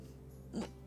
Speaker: when i have hiccups when i have hiccups i sound well i sound like i'm dying i am literally dying it is like ah